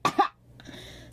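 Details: Girl coughing during a live game stream, with talk nearby mentioning colds: two short, voiced coughs in quick succession, then quiet room noise.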